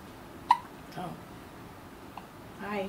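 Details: A newborn 36 hours and 45 minutes old, just after feeding, gives two or three brief, sharp little gulping hiccups, with quiet room noise and a faint adult voice.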